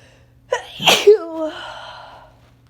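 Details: Adult sneezing on day 3 of a cold, with sore throat: a single sharp sneeze with a quick in-breath, then a falling voiced tail.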